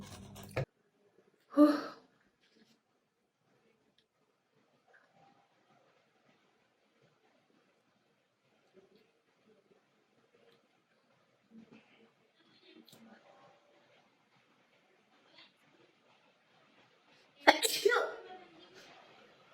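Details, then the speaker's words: Girl sneezing during a self-administered Covid-19 nasal swab test: two or three sharp sneezes separated by near silence; she says last time she couldn't stop sneezing for 10 minutes. "i hate this last time i did this i couldn't stop sneezing for 10 minutes"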